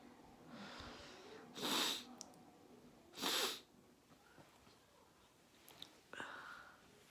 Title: natural sneeze yo